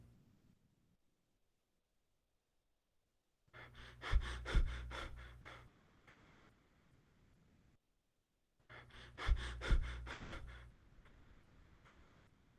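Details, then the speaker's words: Imitated Cheyne-Stokes breathing, described as resulting from cardiac damage: clusters of breaths that gradually swell then fade, preceded and followed by silent apneic pauses. "however chain stocks pattern is gradual increase followed by gradual decrease and here's how it sounds like"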